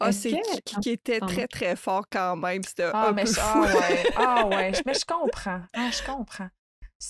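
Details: Adult woman who stutters.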